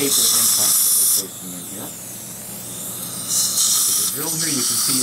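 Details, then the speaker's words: Dental implant drill during stent-guided implant surgery on the upper jaw, with a surgical guide, depth markings and a narrow platform drill: high-pitched whine running in bursts with brief pauses and faint voices. "we've got markings on our drill so we know how deep to go but we're actually going to take a verification x-ray in a minute and hold that there and then we switch over to the next side drill which is the narrow the drill"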